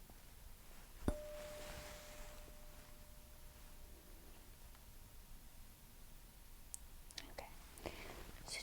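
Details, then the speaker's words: Tuning fork struck and placed on the middle of the forehead for a Weber hearing test in a simulated ASMR ENT exam roleplay; sharp strike then steady, fading pure ring in a quiet room. "so what i'll do is just strike it and actually put it right in the middle of your forehead and you're going to tell me if you hear the sound on both sides or just on one"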